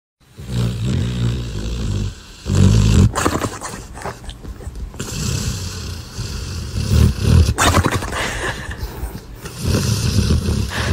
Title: A snoring dog #shorts